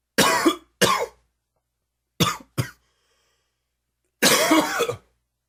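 Five short, dry coughs in spaced bursts, the last one longer and slightly wheezy, from an allergy cough.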